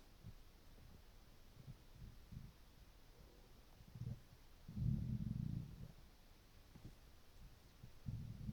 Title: hungry stomach rumbling with water